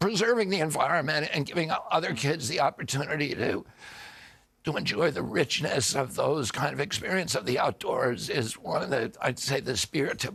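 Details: Adult man; onset at age 42 after a 1996 injury; nerve signals make his vocal cords tighten constantly; surgery in Kyoto about eight months earlier made his voice more reliable, now alternative therapies; spasmodic dystonia.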